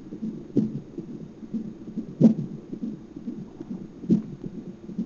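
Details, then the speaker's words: Hiccups, described as speeding up, recorded during a hospital visit for the uploader's stomach pain: three soft, abrupt, jerky bursts at about 32 a minute over quiet gurgling. "has the hiccups. Boop. Did it scare him? I think they're speeding up."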